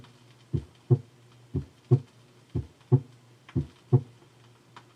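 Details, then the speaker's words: Regular lub-dub at about 60 beats a minute heard at the second left intercostal space without splitting; the second sound is single, louder and higher-pitched than the first: normal heart sounds. "normally the second heart sound is single or very slightly split in expiration and shows splitting with inspiration"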